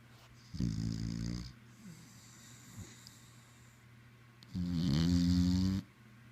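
Two loud, low, rattling breath sounds separated by quiet pauses, with steady room hum: snoring.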